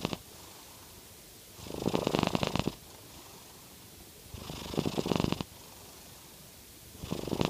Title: Norwegian Forest Cat - Jade Purr Snoring